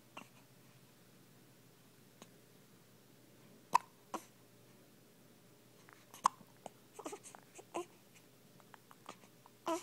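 Sharp, brief gulping clicks recur irregularly among faint vocal sounds, about two dozen a minute: hiccups.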